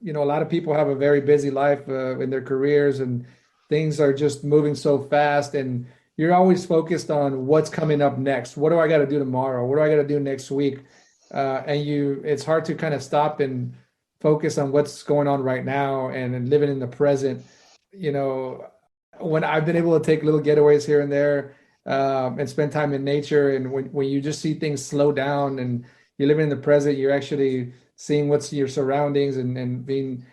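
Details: Adult male speaker; normal speech.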